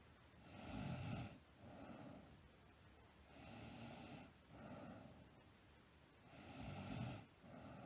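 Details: Sleeping girl: three slow, rhythmic rattling snores on inhalation with quieter breaths between, about 23 breaths a minute; ordinary snoring.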